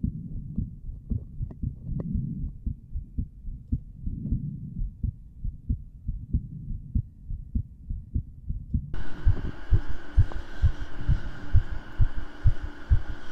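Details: Regular low heartbeat thumps at about 130 a minute, fast, picked up by a microphone on a streamer's chest, who notes it beating hard; a steady hum joins partway; normal heartbeat.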